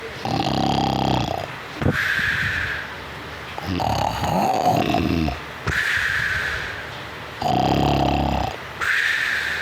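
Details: Loud, rattling snores from a sleeping puppy, noisy on each breath in and out, about fourteen breaths a minute; ordinary sleep snoring.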